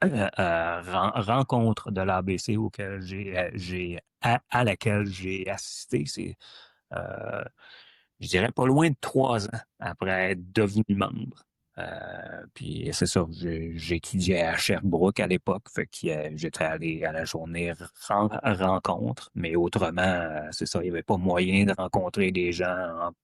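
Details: Adult woman who stutters, a member of a stuttering association since 2015; stuttering.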